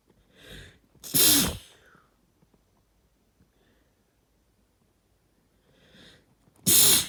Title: long time no sneeze (and noseblow)